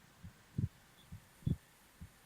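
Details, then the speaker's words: Soft, regular, low paired thumps at about 65 beats a minute, heard through the chest wall with the listener's head on the speaker's chest in a morning boyfriend roleplay with birdsong; a normal heartbeat. "can you hear the sound of my heartbeat mhm it's all for you"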